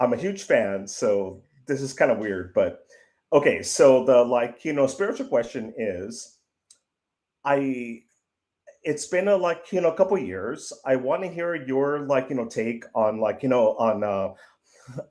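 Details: 55-year-old man who says he stutters; stuttering.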